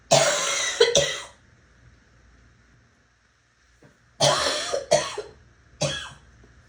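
Two bursts of rapid coughing, each with two or three harsh coughs in quick succession, separated by a pause.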